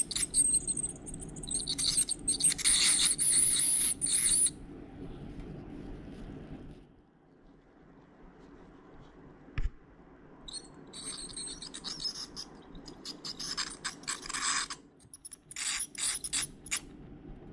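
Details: Veterinarian scaling a 4-year-old dog's teeth under total injectable anesthesia for advanced tartar buildup: high-pitched whining and scraping of the dental scaler with quieter pauses between passes; dental scaling.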